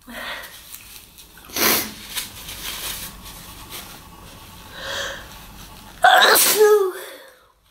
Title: pov: your girlfriend is coughing and sneezing